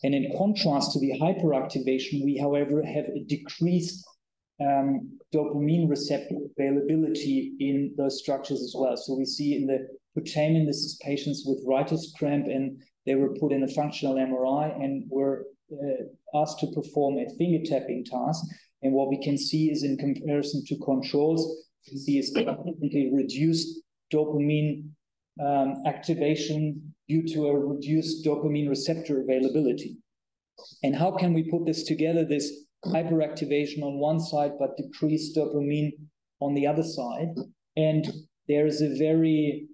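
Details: Adult male speaker, lecture; typical speech.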